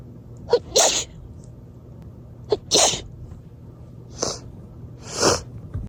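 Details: Very wet sneezes after a party: four sneezes, each a short sharp intake followed by a loud hissing burst, spaced a few seconds apart.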